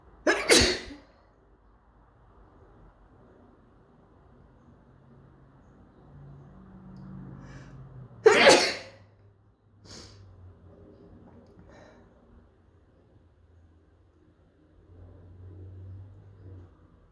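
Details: Two sharp, explosive sneezes about eight seconds apart, with quiet breathing between, from a person who suspects they may be coming down with something.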